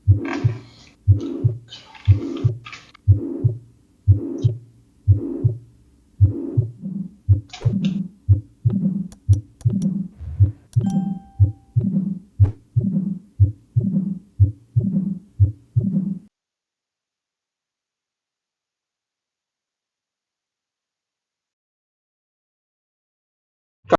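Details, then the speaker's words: Heart sounds with pathological third and fourth sounds (gallop; S4 from forced atrial contraction into a hypertrophied ventricle), in context of heart failure: regular low thumps at about 60 a minute. "El cuarto ruido es eh la ección auricular forzada a un vertrículo hipertrofiado, ¿sí? Agrandado. También es patológico."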